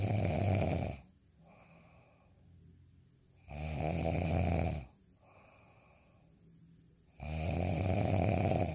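Loud, rattling inbreath snores about every three seconds, roughly 16 a minute, with quiet outbreaths between: snoring.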